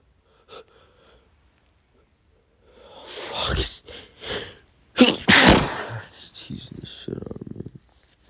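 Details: Two forceful allergy sneezes, each after a sharp in-breath, then snorting, panting and heavy breathing from a man during a repeated sneezing fit; he says pollen is everywhere and it's burning.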